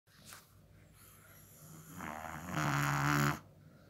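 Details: Brabançon dog: a single loud, rumbling snore on the in-breath rising to a harsh rattle, then quiet breathing; snoring in a small dog.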